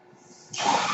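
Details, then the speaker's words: The speaker's own mechanical ventilator, audible in the background while he talks; one breath cycle of the ventilator. "hello everyone my name is that noise you're hearing is my ventilator"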